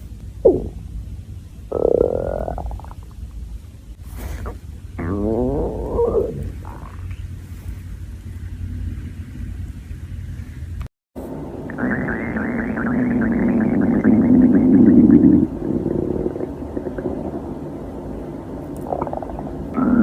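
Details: Hungry girl's stomach growling, from a compilation: gurgling, squeaky rumbles and long growls from an empty stomach, ordinary hunger borborygmi.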